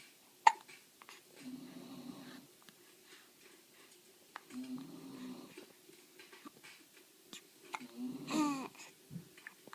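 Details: Baby with hiccups, fire in the background: soft infant babbling and breathing broken by a few sudden, sharp catches in the breath.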